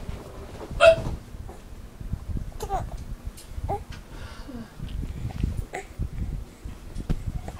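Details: Infant hiccups after laughing at daddy's hiccups: short, sharp catches of breath over a steady background rumble.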